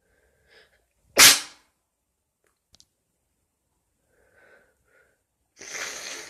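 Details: A person who is quite sick with a cold, trying to stifle sneezes, gives a quick inhale, a single sharp explosive sneeze, then quiet, a faint sniff and a rush of breath.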